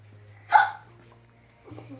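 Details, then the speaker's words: A single abrupt, sharp hiccup against a low steady hum, followed by a soft voice; hiccups. "Why do you always have to make videos of me? You're hiccuping."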